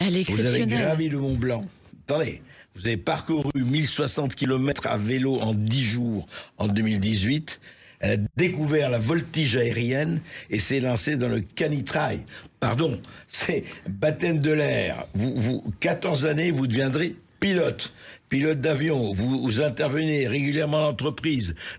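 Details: Adult man speaking French; plain speech.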